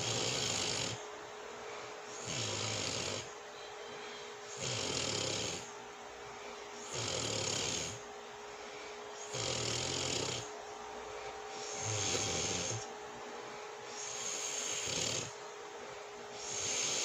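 Regular loud snoring, about 25 breaths a minute, each breath with a rough rattling sound in a quiet room; adult snoring during sleep.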